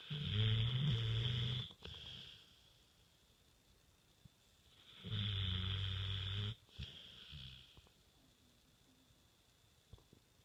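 Loud, low rattling snores on each in-breath with softer out-breaths, two full cycles in about ten seconds; steady snoring.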